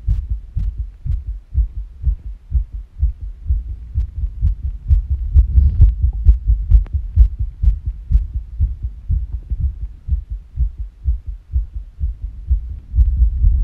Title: Fast Irregular Heartbeat (sick)